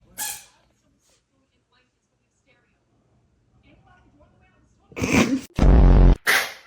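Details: Cat sneezing: a short sneeze, a quiet pause, then a quick run of three sharp sneezes.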